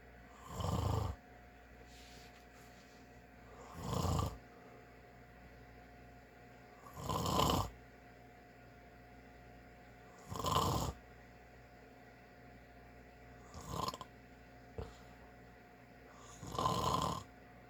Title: More of my Dad snoring